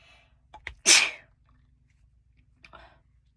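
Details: Quick indrawn breaths build to one loud, explosive sneeze, followed by a small breathy aftersound; ordinary sneeze.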